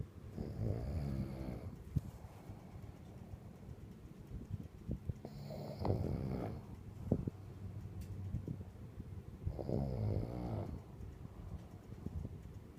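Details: Three low, rattling snores on the in-breath about four seconds apart, quiet breathing between, roughly 14 breaths a minute; ordinary snoring.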